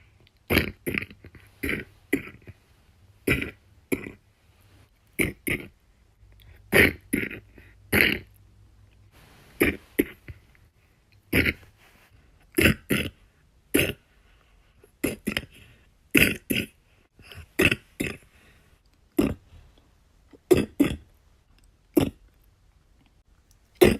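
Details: Repeated short, harsh coughs in pairs and runs with a loose, rattly quality; described as the worst this week's cough has been, a wet productive cough.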